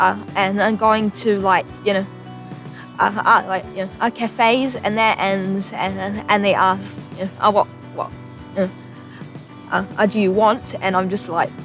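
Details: Person who stutters, with an unpredictable stutter and freezing when ordering at cafes; stuttering.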